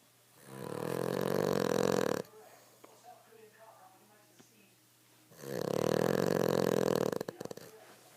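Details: Cavalier dog Milly snoring loudly while asleep: two long, loud, vibrating snores with a quiet pause between them; pronounced snoring.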